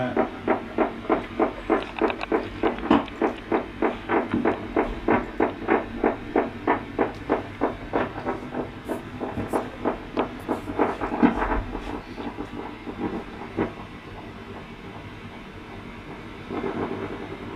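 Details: Needle EMG in an adult man in a clinical study of faster diagnosis for suspected motor neuron disease: rapid regular thumping pulses about three per second fading into softer crackle as he tries to straighten his back.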